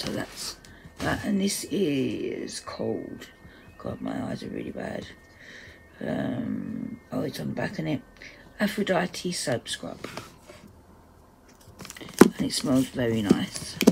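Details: Adult woman's self-reported voice dysphonia, which she says is playing up; dysphonia.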